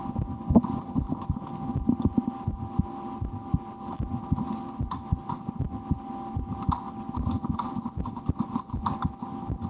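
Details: Own heartbeat recorded through a stethoscope for relaxation, sometimes holding breath or trying to raise the rate, with a loudly digesting stomach after lunch: steady thudding beats under low hum and rustle; normal heart sounds.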